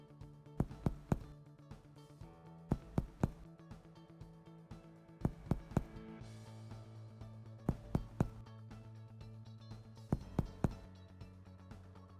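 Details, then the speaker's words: Medical student's respiratory examination of an adult: finger percussion over the chest, after palpating the apex beat, gives normal resonant notes, a normal lung percussion finding. "normal resonant sounds are heard on percussion"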